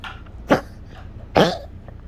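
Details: Yorkie with rapidly collapsing trachea in a 3am coughing fit, on cough medicine: two harsh, honking goose-like coughs over soft background noise.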